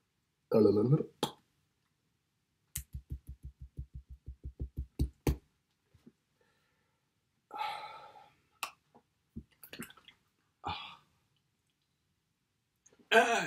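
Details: Person with Tourette syndrome during an episode of phonic tics with coprolalia, involuntary obscene vocalizations, alongside motor tics.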